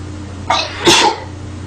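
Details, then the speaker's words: A woman takes a short indrawn breath, then gives a single sharp, hissing sneeze against a steady room hum; she says she sneezes multiple times; ordinary sneeze. "I'm gonna sneeze it alright as you can tell I sneeze like multiple times"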